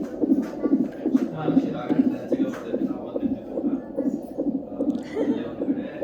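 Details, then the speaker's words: Fetal heartbeat on a non-stress test (NST) monitor during labour admission: rapid, regular whooshing beats about 140 a minute. "ಇದೇನು ಅಮ್ಮು ಅಯ್ಯೋ ಅದು sound ಬರ್ತಾ ಇದೆಯಲ್ಲ, ಅದು heart beat ಪಾಪುದು."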